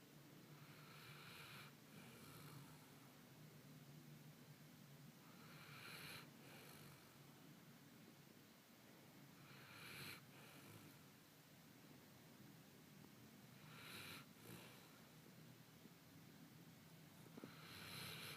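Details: Faint snoring with a breathy snort on each breath, about 15 a minute, over steady room noise.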